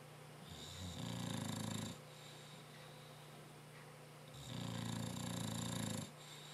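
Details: Dog snoring, loud enough to drown out the TV though not his loudest: two loud, rattling inward snores about four seconds apart, with quieter breathing between.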